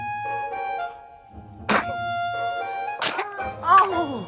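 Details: Baby sneezing: two quick, small sneezes followed by a vocal sound, with music playing in the background.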